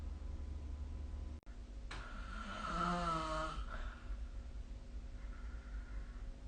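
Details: One loud, fluttering inhaled snore of about two seconds with a rough vibrating tone over low room hum, recorded with the SnoreLab snoring app.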